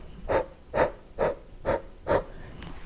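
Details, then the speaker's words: Infant with apnoea after heavy crying, first-aid demonstration: five short, quick rescue puffs about half a second apart, mouth over infant's nose and mouth, very short breaths for small lungs, before 15 chest compressions; infant rescue breaths. "wdechy mają być bardzo króciutkie Pamiętajcie że dzieci mają małe płuca"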